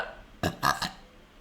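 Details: Vtuber burping: two or three short, low, voiced bursts from the throat in quick succession; a burp.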